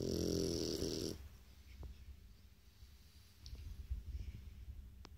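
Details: Shar pei dog snoring: one loud, rattling snore, then quieter breathing with a few soft clicks in a small room.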